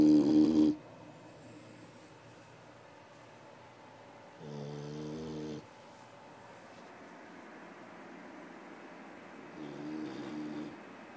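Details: Sleeping dog said to snore a lot: three loud rattling snores a few seconds apart over quiet room noise; snoring.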